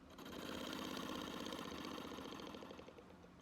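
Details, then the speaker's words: Simulated ASMR medical role play: a nurse demonstrates a breathing trainer device, inhaling then exhaling into the mouthpiece, giving a soft, fast rattling, flutter-like buzz on exhalation. "okay so this one you actually can inhale with the mouthpiece and then exhale into the mouthpiece and it makes that that soft little rattling sound"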